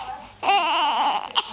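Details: Infant, tired of hiccups and grumpy, gives a brief fussy cry with wavering pitch after a moment of quiet room noise; infant cry.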